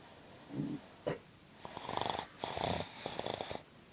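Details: Sleeping dog with short rattling, fluttering snores and snorty breaths in a quiet room: snoring.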